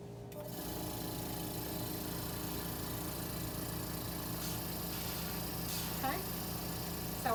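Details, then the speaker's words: Nursing student demonstration: sterile suction catheter connected and suction tested before tracheostomy suctioning; steady suction hiss and motor hum with brief slurping changes, confirming adequate suction. "all of this is sterile at this time i'm going to grab my suction catheter now this hand is dirty i'm going to connect my two connectors and i'm going to test my suction"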